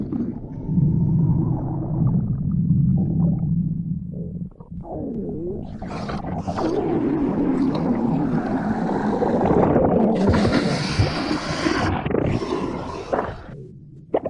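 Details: Stomach growling: long, loud, low rumbling and gurgling that rises into squeaky, bubbling tones.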